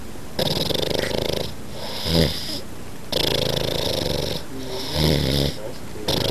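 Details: Loud snoring from an old man who was drunk, likened to a train or moped, though he denies that he snores; snoring.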